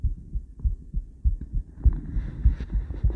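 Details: Female heart recorded via ultrasound transducer, combined with ECG: steady, regular low thumping heartbeat at about 100 beats a minute, with a soft whooshing hiss in the later part.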